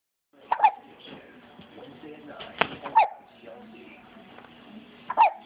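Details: Baby hiccups: three brief, sharp infant hiccups about every two seconds, with a faint squeak.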